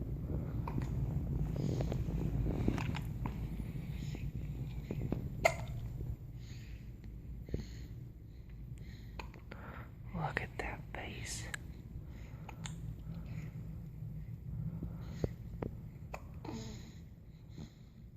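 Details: A baby boy with hiccups, seemingly unbothered: soft, brief catching sounds at irregular intervals, some sharper clicks, in a quiet room; infant hiccups.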